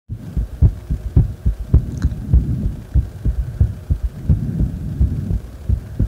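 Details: Heart sounds recorded lying supine after deep squats: fast, forceful low thumping heartbeat at roughly 100 beats a minute.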